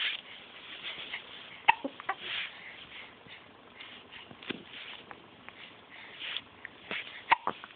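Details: 9-week-old making babble-like talking sounds while hiccuping: sharp, abrupt vocal catches, two strong ones several seconds apart; hiccups.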